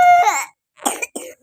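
A brief high whining note, then two short harsh coughing bursts from a dog with a cold.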